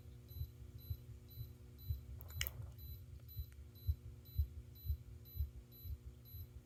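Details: Regular heartbeat thumps at about 120 a minute, each matched by an ECG monitor beep: normal heart sounds.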